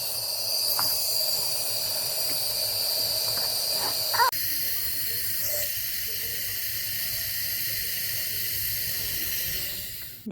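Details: Steady high-pitched hiss of a running nebulizer, continuous throughout, during hospital inhalation treatment of a 3-month-old baby with bronchiolitis, severe shortness of breath and a week of wheezing.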